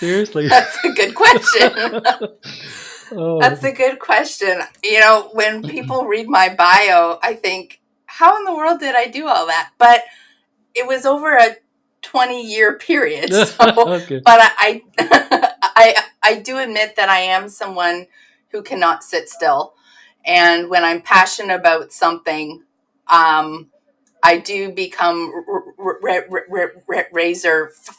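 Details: Adult woman who stutters, assessed as severe in her teens, with sound repetitions and word repetitions — stuttering.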